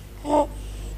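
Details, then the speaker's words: Inspiratory stridor in a sick young child with acute respiratory infection, in a training film where croup is named as a common cause: a harsh, tonal, high-pitched noise on breathing in, heard twice over a low hum. "Stridor is a harsh noise produced when the sick child breathes"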